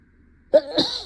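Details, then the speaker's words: Simulated, acted sneeze performed by someone role-playing a teacher giving a class, during a sneezing fit while talking: a single sharp sneeze with a quick inward catch and a forceful burst out. "guys just be just because I'm sneezing does not mean this is does not mean this is time to Talk Amongst yourselves okay"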